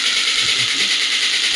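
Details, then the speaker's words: Biotronix electromagnetic shockwave therapy device, horizontal clinical model, demo firing on the hand at reduced energy: loud steady rattling buzz of rapid clicks. "But if I select the frequency to minimum like one I'm getting shot slower and slower you [snorts] can see one by one it is getting increased."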